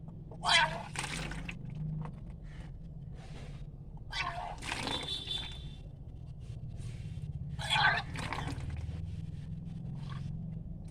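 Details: Kunjal kriya (vaman dhauti) yogic cleansing: after drinking about six glasses of warm saline water on an empty stomach in the morning, vomiting induced with fingers pressing the back of the tongue; repeated gagging retches with gushes of water over a low rumble.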